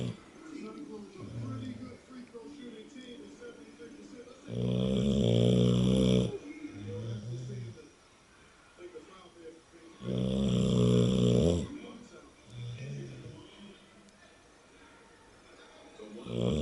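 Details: Snoring during sleep: loud, rattling in-breath snores alternating with softer out-breath snorts, about ten breaths a minute.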